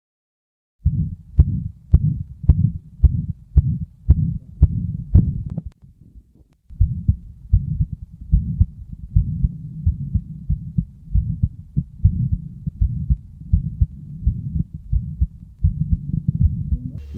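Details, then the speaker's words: Hypertrophic obstructive cardiomyopathy: fast regular heartbeat with a crescendo-decrescendo midsystolic murmur heard best at the lower left sternal border, not radiating to the carotids. "the particular murmur is high based crescendo decrescendomid systolic power heard best at the lower uh left sinal border so let's hear how it is heard on auscultation"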